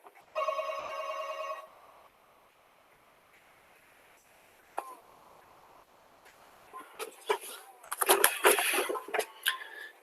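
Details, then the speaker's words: Simulated mild hearing loss of 30 decibels: a brief phone ring and later clattering noises played at reduced volume, showing how such a loss dulls everyday sounds. "ahora voy a poner como la escucharía a una persona que tiene un problema de audición ya perdió 30 decibelios"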